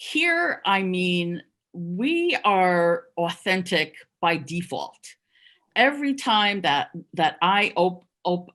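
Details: Adult who stuttered covertly for over 30 years, heard with repetitions of words and syllables; stuttering.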